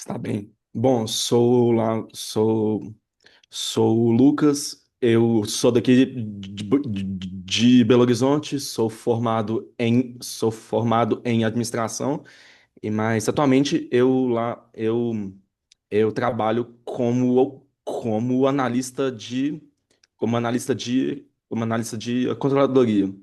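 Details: Adult Brazilian Portuguese-speaking man who stutters and has had speech therapy and psychotherapy since childhood, in a real interview: stuttering.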